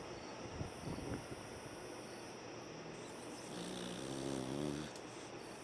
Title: Beagles snore. But, oh so cute. :)